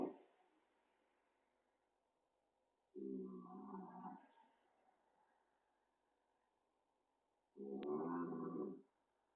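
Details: A small cat snoring noisily while asleep.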